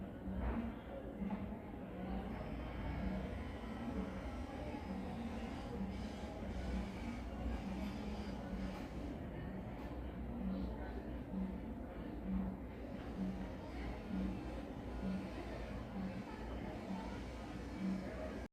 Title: 23 yrs old G2P1 female with hx of easy fatiguability and cough... CRVHD( MS,MR)